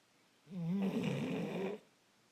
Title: Twinners snoring